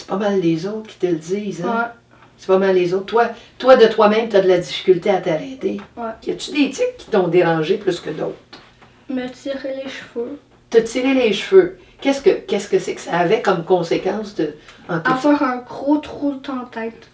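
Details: Adult woman speaking French; normal speech.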